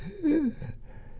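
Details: Brief pitched, voice-like noise on breathing in, an imitation of the stridor heard even at rest with bilateral vocal cord paralysis; inspiratory stridor.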